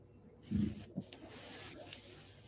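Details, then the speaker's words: An adult woman's stomach growls audibly while she talks; she attributes it to hunger: stomach growling (borborygmi). "My stomach's like, "Girl, you need to feed me." And did you hear that? Girl, eat something."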